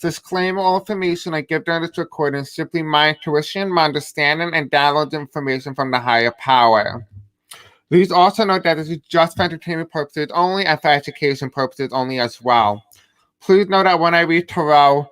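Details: Deaf speech (deaf accent) in a male speaker who self-identifies as having a deaf accent.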